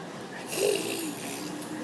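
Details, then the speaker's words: Young child imitating his father's snoring: a single short, rough, snorting breath, a playful snoring impression. "here you snore like Daddy"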